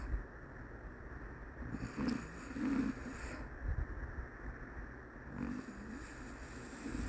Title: SNORING SHIH TZU #shihtzu #dog #puppy #fyp #shorts